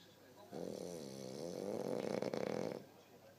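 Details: Man snoring: a single long, vibrating, rattling snore rising and fluttering toward its end, in a quiet room.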